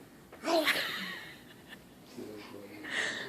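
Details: A single sharp sneeze with a quick inhaled lead-in, followed by quieter breathing and a faint voice in a small room.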